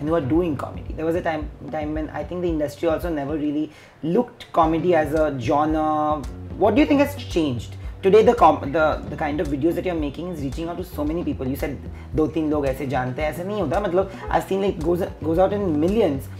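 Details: Adult male speaker, interview; ordinary conversational speech.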